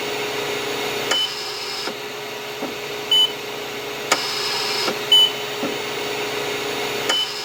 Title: Hospital Ventilator Sound effect